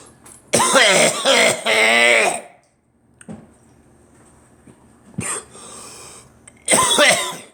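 A loud bout of harsh coughs with rasping throat clearing, a pause, then another burst; four or five coughs in all.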